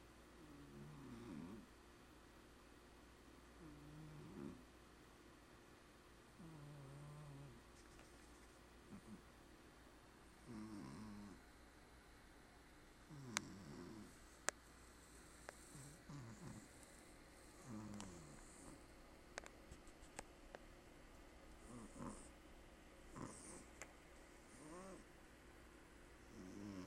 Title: Ever heard a cat snore while sleeping with it's eyes open?